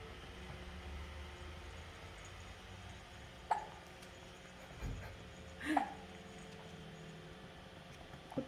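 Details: Baby girl hiccuping while receiving a back rub: a few soft, abrupt catching sounds spaced a couple of seconds apart over steady background hum; infant hiccups.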